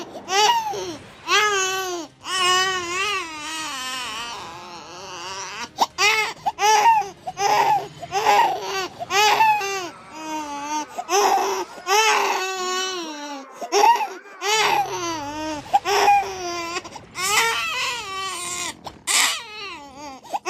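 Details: Loud infant-crying sound effect: repeated high-pitched, wavering wails separated by short breaths in a small room: infant crying.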